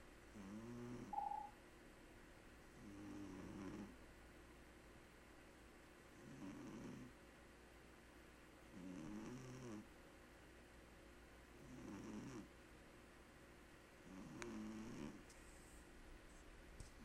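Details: Cat snoring while asleep with its eyes open, which the owner says it does all the time: soft, rhythmic snores about 22–24 a minute over faint room hum.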